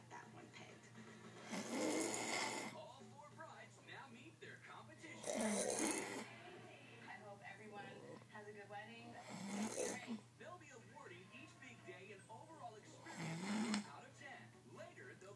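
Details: Loud rattling snores on each inspiration, about 16 a minute, with quiet expiration between; ordinary snoring in a sleeping man.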